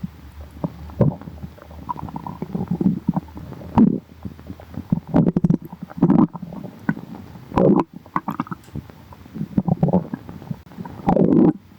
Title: Thank yall for 100 subscribers!!💝 | stomach growling